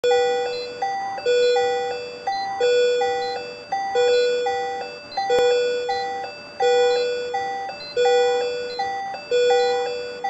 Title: CO2 Capnography monitoring